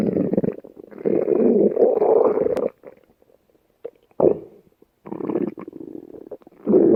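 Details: Long gurgling, rumbling runs of sound with brief quiet gaps from a person's stomach: ordinary stomach growling, borborygmi.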